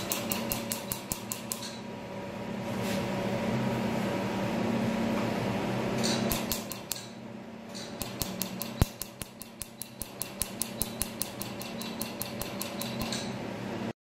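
Rapid bursts of sharp snapping clicks, about 150 a minute, over a steady machine hum: laser pulses during tattoo removal.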